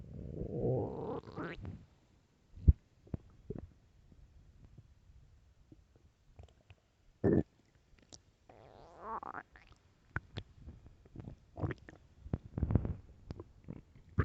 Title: LOUD stomach growls (headphones 🎧)